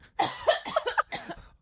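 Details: Three forceful, harsh coughs in quick succession from a woman whose drink of water went down the wrong way into her lungs during a podcast recording; aspiration cough.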